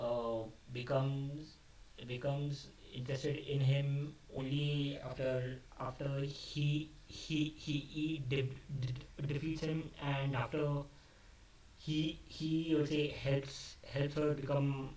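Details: Adult male who stammers, speaking unscripted, which he says increased his stammering; word repetitions audible. Finding: stuttering.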